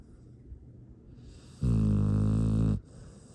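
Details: Dog snoring during sleep: a single loud, rattling snore lasting about a second, between quiet breathing; ordinary snoring.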